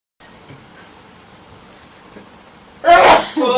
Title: sneezing compitation